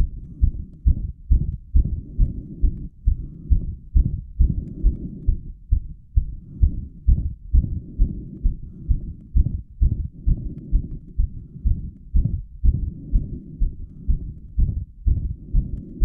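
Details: Own heart recorded straight after squats that raised heart rate to 180 bpm: fast, strong, booming beats about 130–135 a minute with whooshing between beats, described as murmuring; prominent apex beat and visible carotid pulse; rapid heart sounds after exercise.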